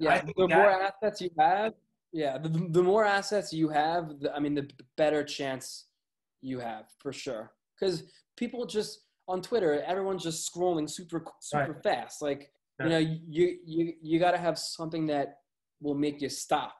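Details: Adult male with a lifelong stutter; stuttering.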